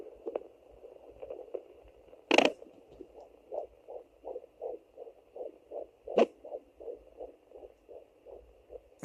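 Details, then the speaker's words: Fetal heartbeat heard at home on a Sonoline B pocket fetal Doppler with ultrasound gel on the pregnant abdomen: fast, regular whooshing pulses, with a couple of loud probe scrapes. "there's the baby's heartbeat and some other noises in my hair"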